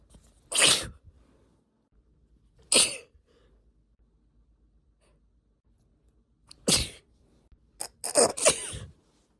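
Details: Induced sneezing in a female: five forceful sneezes separated by quiet pauses, the last ones close together.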